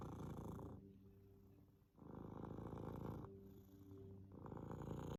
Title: Wheeze Purr! Not wheezing the juice. #cat #cutecat #catpurr #catnoise #wheeze #catlover